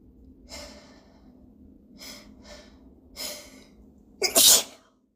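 Several short hitching inward breaths, then one loud explosive sneeze.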